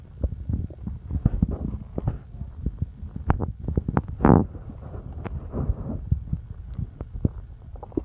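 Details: Frequent low gurgles and clicks from an adult belly, with one longer bubbling rumble: ordinary active bowel sounds (borborygmi), stomach rumbling.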